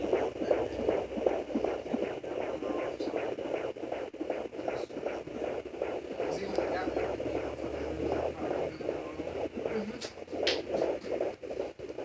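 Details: Fetal heartbeat at 22 weeks of pregnancy on a Sonoline B home fetal Doppler: rapid, regular whooshing pulses, about 155–160 beats per minute.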